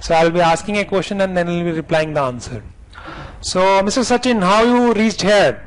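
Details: Adult man speaking; normal speech.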